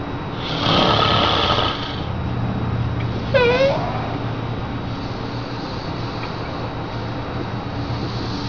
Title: Baby-Scared-By-Snoring